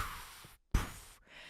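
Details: Snoring (imitated).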